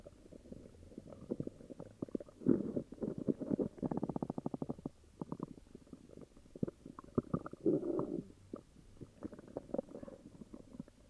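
Long runs of crackly, bubbling gurgles and rumbles, some in quick rattling bursts: loud stomach growling with an upset stomach.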